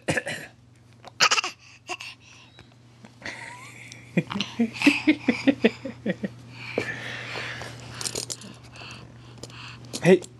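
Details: A young child fake coughing and blowing raspberries: short, deliberate fake coughs mixed with playful voiced sounds and breathy bursts.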